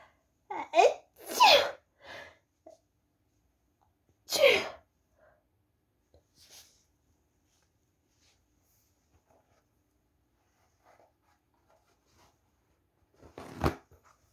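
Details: Woman sneezing: three sneezes, each a quick inhaled build-up then a sharp burst, with quiet gaps and faint breathing between them.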